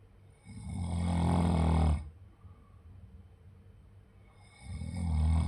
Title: Do you know what snoring sounds like?